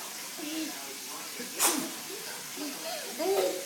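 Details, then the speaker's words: Single sharp, explosive sneeze after a brief voiced intake, with quieter voice sounds after it in a small room; a cough also occurs, and the speaker wonders whether the person is getting a cold: sneeze. "oh you got to cough now too oh and a sneeze you're not in very good shape man oh my goodness you must be getting a cold"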